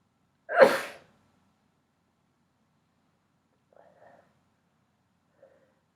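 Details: Sneezing set off by pepper: one loud, sharp sneeze followed by quiet breathing noises.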